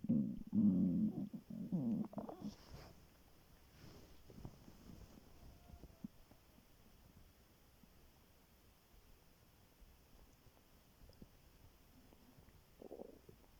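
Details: Hungry person's stomach growling in the morning after waking: low gurgling rumbles, then quiet with faint gurgles, normal hunger-related bowel sounds.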